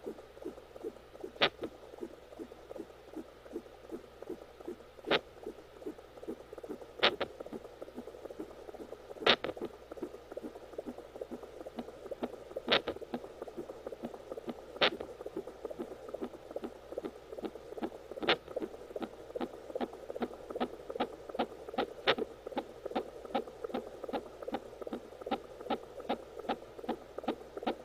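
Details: Fetal hiccups heard on fetal Doppler during pregnancy: rapid whooshing heartbeat with sharp, evenly spaced knocks.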